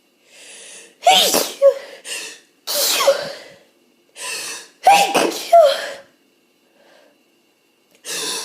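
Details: Hay fever, possibly with a cold starting; itchy, tickly sneezes that often stall with false starts, eyes streaming. Sudden explosive bursts with sharp inward gasps, several in a row; sneezing.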